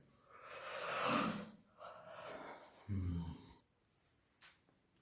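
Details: Friend sleeping heavily in a hotel in Arunachal at morning: loud, rough snoring breaths repeating about every two seconds in a quiet room; heavy snoring.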